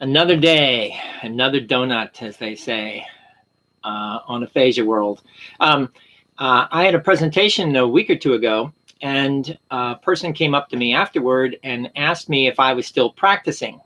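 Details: Adult with aphasia after a stroke; word-finding difficulty, mispronounced words and long words that trail off are noted.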